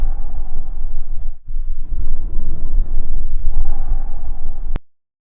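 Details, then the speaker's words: Normal bronchovesicular breath sound, sound representation: steady, moderately loud rushing breaths, intermediate between bronchial and vesicular, with inspiration and expiration equal in intensity and no pause between them. "o bronco vesicular é intermediário entre o som brônquico e o murmure vesicular e possui a mesma intensidade entre a inspiração e a expiração e não possuem intervalo entre esses dois tempos"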